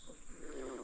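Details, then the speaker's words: Stomach growling (borborygmi) from the speaker, heard while walking outdoors through a graveyard. "That was my stomach growling in case anybody was curious what that sound was. I'm not about to be attacked by some strange animal."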